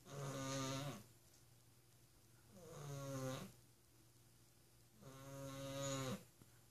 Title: Hunny Bunny - snoring up a storm